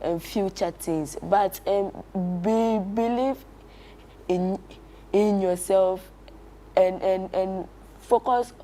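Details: Child who stammers, a stuttering-camp beneficiary in Ghana, whose speech includes prolongations, repetitions and blocks: stuttering.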